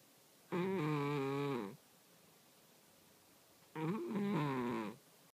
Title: Snoring Cat